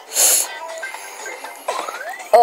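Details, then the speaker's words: One loud, hissing, self-described massive sneeze while playing a phone game with a TV in the background, followed by quieter vocal sounds and a rising squeal; sneeze. "oh that was a pretty massive sneeze oh oh that felt so weird"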